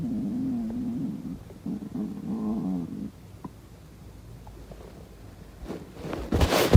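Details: Low gurgling, rumbling stomach growls over several seconds, then quiet and rustling; ordinary stomach growling (borborygmi).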